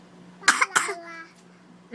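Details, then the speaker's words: Young girl's cough, recorded to capture her long nasty coughs: two quick cough bursts, then a brief trailing vocal sound, in a quiet room. "i'm trying to get your sister's cough not you guys being silly i know but i just want to see if i can get one of her long nasty coughs"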